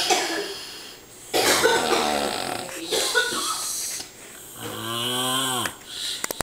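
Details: Loud, rough snoring with several droning, tonal snores of about a second each.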